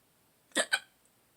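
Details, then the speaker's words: Adult woke up with hiccups after possibly drinking too much the day before: a single sharp, voiced double hiccup, quick and abrupt, in a quiet room. "I may have drank too much yesterday. And I woke up with hiccups."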